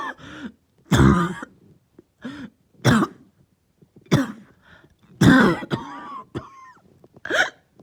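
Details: Lingering cough that started last night, with headache: about five short, rough coughs and throat-clearing bursts separated by quiet breaths and a few voiced groans.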